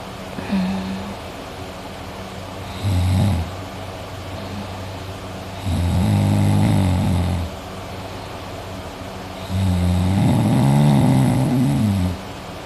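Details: Person sleeping at night, snoring heavily and drooling: three loud, deep, rattling snores on slow inhalations with quieter breathing between, about 14 breaths a minute; heavy snoring.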